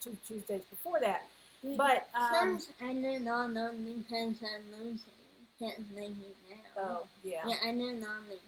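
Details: 21-year-old woman whose neuropsychological evaluation found a speech disorder, along with level 2 autism, anxiety and a needle phobia; her mother says the speech disorder is obvious from hearing her talk.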